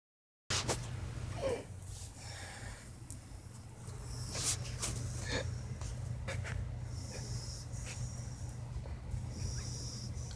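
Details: Female puppy snoring while asleep: steady low rattling snore with a few snorty, whistling breath noises.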